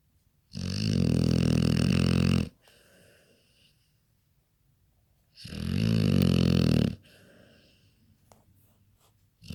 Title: Jax snoring